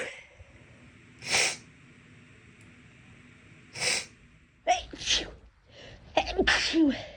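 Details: Person whose nose has been bothering them for a few days: two sharp sneezes a few seconds apart, followed by sniffing and nose sounds; sneeze.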